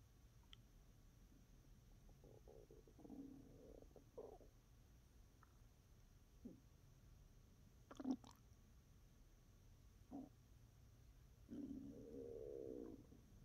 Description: Beautiful sounds of stomach noises. ASMR belly, Tummy sounds, growls, gurgles, and grumbles.